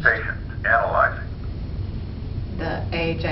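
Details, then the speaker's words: Simulated CPR/AED training: trainer AED synthetic voice prompts "don't touch patient, analyzing, treatment advised, press treatment button, treatment delivered" over room noise; AED voice prompts guiding defibrillation. "don't touch patients analyzing don't touch patient analyzing treatment advis don't touch patient press treatment button treatment delivered"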